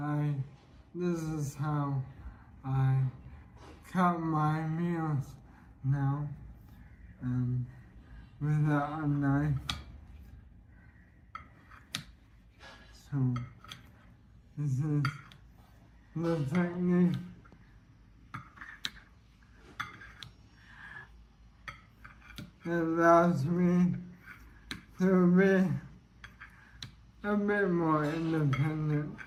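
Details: Dysarthria from bulbar weakness in an adult man with ALS (motor neuron disease); slurring began end of 2023 as throat muscles weakened; speaking is effortful and leaves him out of breath; progressive.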